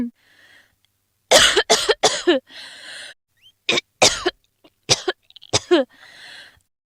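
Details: Adult woman coughing: three bouts of sharp, fairly wet coughs, each followed by a noisy, drawn-in breath, a coughing fit.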